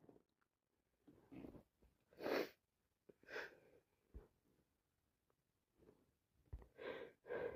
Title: More cold sneezing i can't stop sneezing